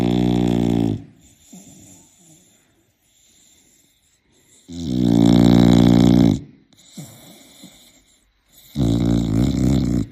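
Very loud, deep, rattling snores on the in-breath, with softer breath sounds between them. Heavy snoring.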